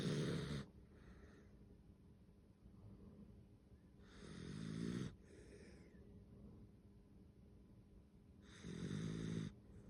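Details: Snoring during sleep: three slow, rumbling snores about four seconds apart over faint room hiss.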